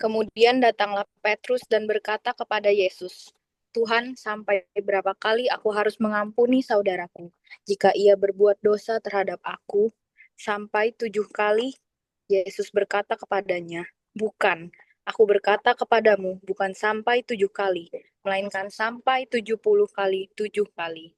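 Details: Adult reading aloud; normal voice.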